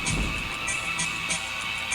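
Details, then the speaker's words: Simulated distorted music perception (diplacusis): thin, tinny music breaking into choppy, wavering bursts with smeared decays, recreating how an adult man hears certain notes through his affected left ear, alongside tinnitus. "yeah it's still going in my head so that's what's going on in my left ear everybody M yay I'm sorry yeah I wanted to demonstrate that is that okay that's okay yeah I um yeah I'm really anxious about it"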